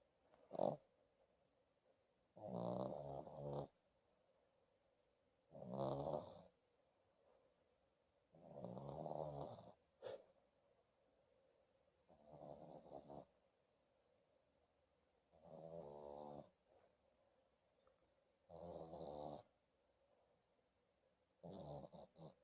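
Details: A sleeping dog snores in steady rattling bursts, about 20 breaths a minute; snoring.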